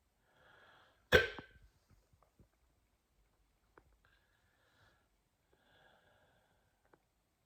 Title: Woke up with hiccups